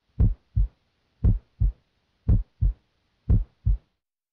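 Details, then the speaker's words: Normal S2 heard at the cardiac apex with a stethoscope diaphragm: regular lub-dub near 57 per minute, the first sound louder than the second. "s2 is caused by closure of the semilunar valves its loudest at the base where it normally sounds like this at the apex it sounds like this"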